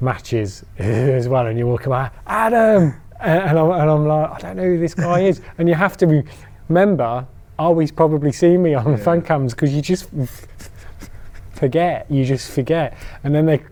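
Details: Stuttering in an adult man who stammers, giving a talk on stammering.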